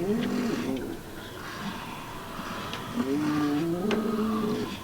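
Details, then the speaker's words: Pigs piled together asleep in the cold outdoors: low, droning, slightly tonal rumbles over outdoor noise; ordinary pig snoring. "can actually hear them snoring in there it's pretty cute but they do pile on top of each other even when it's not as cold they just like to bundle together"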